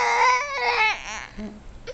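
Short fussy infant cry with a wavering, high-pitched voice that fades into whimpering; a brief ordinary cry.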